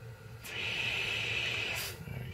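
A steady hiss of airflow lasting about a second and a half, from a CPAP machine running on a battery pack.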